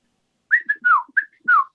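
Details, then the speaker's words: Person with Tourette syndrome and functional neurological disorder, talking during a podcast: a quick run of short, sliding whistles in uneven bursts, a whistling vocal tic that fails to come out properly. "the tick's like all right i can't get out properly i i don't know she's slurring this whistle this time so just forget it"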